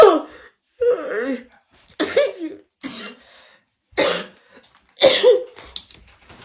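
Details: Woman coughing uncontrollably after dabbing, on a livestream: six harsh, strained cough bursts in quick succession, some with throat-clearing quality; coughing fit after inhaling vapour.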